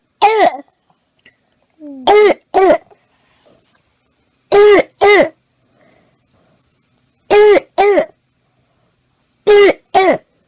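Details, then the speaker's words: Croup cough in a child: harsh, high, seal-like barking coughs, mostly in pairs, about nine in all, with quiet gaps between. "Often, just taking the child outside into the cool air helps this croupy cough."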